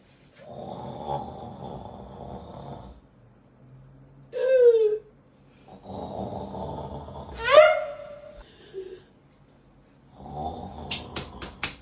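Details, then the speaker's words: Comedic skit of a person who snores badly, with mouth open: loud rattling snores on slow breaths, about three in twelve seconds, with whistling squeaks between, seemingly exaggerated; snoring. "Bro, you're snoring now. Close your mouth."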